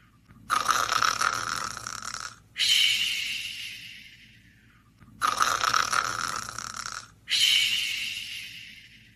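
Two cycles of loud, rough, hissing breath, each an airy rattle in and a fading one out: snoring in a sleeping animal.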